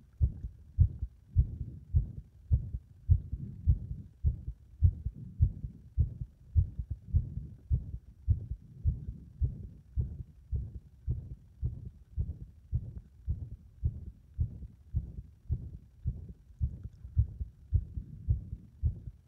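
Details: Heart that becomes unstable under compression: muffled heartbeats about 105 per minute with uneven spacing and varying loudness, an irregular rhythm.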